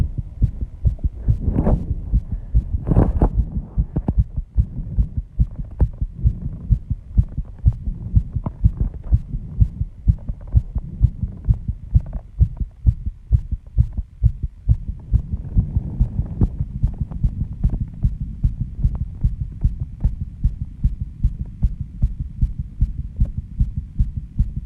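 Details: Own heartbeat after intense exercise with heavy breathing: fast, strong, regular heartbeat at 134 bpm, audible without a microphone at the start; sinus tachycardia after exercise.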